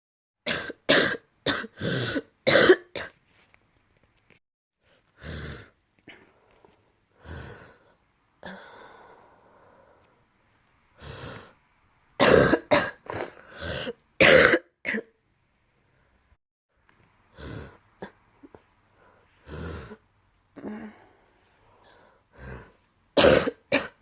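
Repeated bouts of loose, phlegmy coughing with throat clearing between them, typical of a productive cough.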